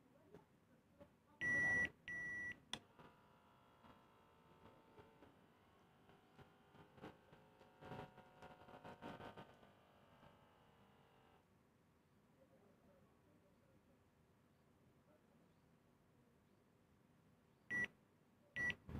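Sharp electronic beeps at the start, a quiet pump hum while the cuff fills and releases, then beeps again as the reading finishes.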